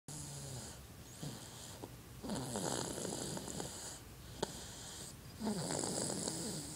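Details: A 7½-month-old baby boy snoring while asleep: soft, rattly snoring bursts, several noisy breaths in a row over a steady background hum.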